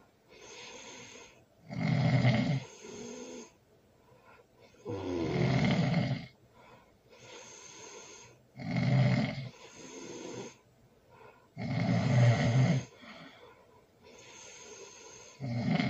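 Loud, rough snores at about 18 breaths a minute, with quieter sounds on the out-breath between them.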